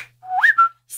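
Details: Adult woman with Tourette syndrome, whistling among her vocal tics, worse today from heavy caffeine and tiredness; whistling vocal tic.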